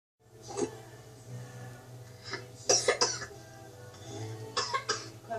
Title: Me coughing on video.